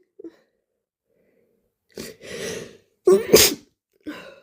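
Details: Very wet, slimy sneeze that sprayed mucus, with moans and heavy breathing: a sharp, wet sneeze bursts out after a catching in-breath, followed by a short moan.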